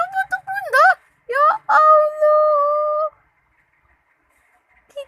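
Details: Young child imitating his mother's cough: voiced, tuneful cough-like calls followed by a long sustained vocal sound; an imitated cough.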